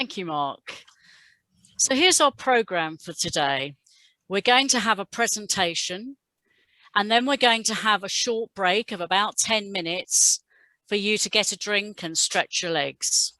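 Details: Adult woman speaking; Normal fluent speech.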